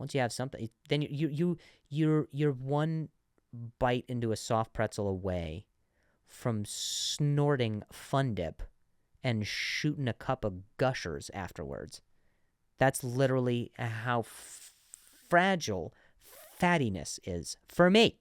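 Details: Adult man who has stuttered since earlier in life, still sometimes stutters though less than before, and has worked with a speech therapist; stuttering.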